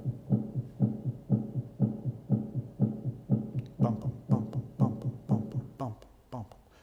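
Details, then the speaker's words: Normal dog heart sounds at the apex over the mitral valve area, regular at about 120 a minute, with the first sound (S1) loudest. "that's the starting point for listening to your stethoscope and then the industry stethoscope around until that S1 heart sound is the loudest and you'll be over the mitral valve area"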